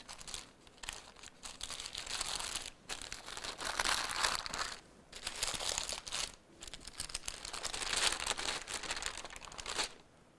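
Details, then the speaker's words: Sterile glove packet unwrapped and gloves donned during a Foley urinary catheterization procedure demonstration in a quiet room: bursts of crinkling and rustling paper and plastic. "now I want to put on my sterile gloves"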